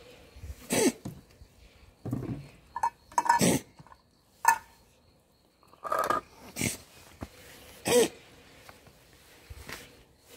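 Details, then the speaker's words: Cat with heavy sneezing: repeated short explosive bursts with snorting, about eight in ten seconds, in a quiet room; owner also describes the cat as coughing; frequent sneezing. "아이고, 기침이. 기침을 해서 왔더만."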